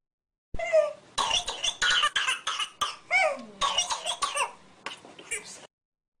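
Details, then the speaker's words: Pertussis (whooping cough) paroxysmal stage in a child, from an educational animation: a rapid run of repeated coughs with little or no breath drawn in between, a paroxysmal coughing spell. "parisal stage during the parisal stage coughing spells increase in severity the parisal cough is distinctive a long series of coughs between which there is little or no inspiratory effort"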